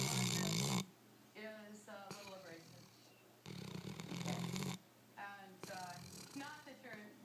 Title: Yellow Lab snoring